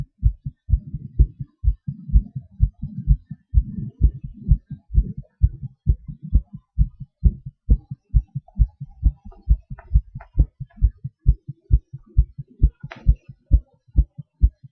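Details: Self-recorded heartbeat of an adult doing breath-holds and panting: regular, clear heartbeats around 130 a minute with breath and rustling noise mixed in: normal heart sounds with rate changes.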